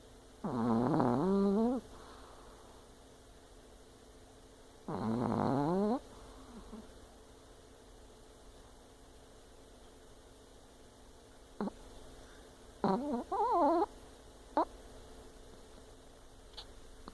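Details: Chihuahua snoring while asleep: two long, loud, buzzing snores in a quiet room, then shorter snorts and squeaky breaths.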